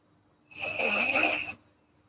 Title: snoring girl asmr4